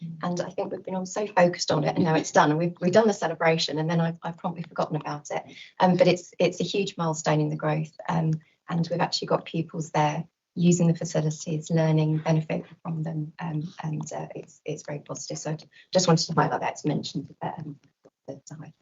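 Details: Adult speaker; normal voice.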